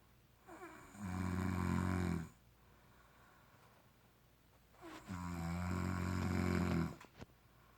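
Two long, loud, buzzing inhaled snores about four seconds apart, quiet between; regular snoring at roughly 15 breaths a minute.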